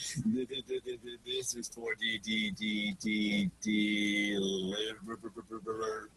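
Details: Male graduate student describing his own stutter as really severe, introducing himself with blocks and fillers; stuttering.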